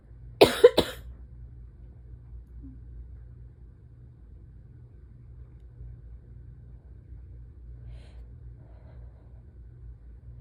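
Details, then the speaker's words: Adult with morning allergy symptoms during ragweed pollen season, with an asthma cough also mentioned: a sharp double sneeze, then quiet room hum. "And and I have to sneeze. And so I wait. And hope that it's not just going to be rude and tease me."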